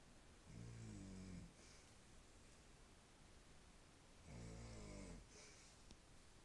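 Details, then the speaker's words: Elderly woman (grandmother) snoring while asleep in her room: two long, low, rattling snores on inspiration with quiet room noise between; ordinary snoring. "When she sleeps, she snores."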